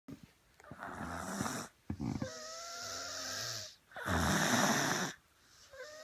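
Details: Pet dog snoring in a steady rhythm of noisy, rattly breaths, some with a thin whistling tone; owner says the dog is suffering from an as yet unknown problem.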